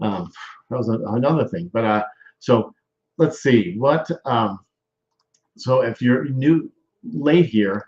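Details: Male stroke survivor with aphasia, with word-finding difficulty evident; aphasia.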